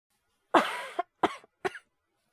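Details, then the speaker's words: Simulated cough acted by a male voice actor playing a feverish man awake at 3 a.m. with chills: one long harsh cough followed by two shorter ones. "あれだ、なんか、咳うるさいなとかあったら、隣の部屋で寝てもらってても全然いいからさ。"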